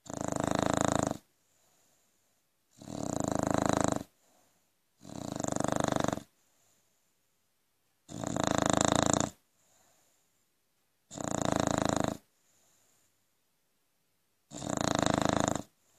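Loud, harsh snores of about one second each, six in sixteen seconds, with short quiet gaps between breaths.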